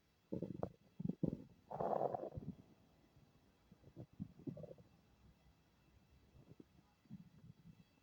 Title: My stomach is making unfamiliar noises ;-;